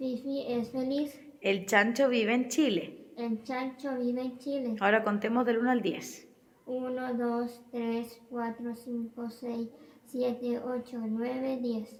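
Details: Child with cleft palate and velopharyngeal insufficiency counting from 1 to 10; fairly intelligible speech with nasal resonance. Hypernasality.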